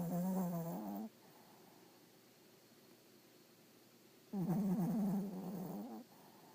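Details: A small dog snoring like a human: two long, low, buzzing snores separated by a quiet pause.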